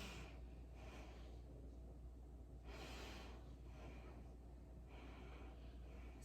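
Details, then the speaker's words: Normal breath sounds on auscultation of the anterior chest during a head-to-toe nursing assessment: the patient takes soft, smooth deep breaths, and the lungs are clear with no crackles or wheezes and no diminished sounds. "there appears to be no crackles no reasons in the interior view the lungs are clear there's no crackles no weasels and lungs the lungs appear intact and it is not diminished"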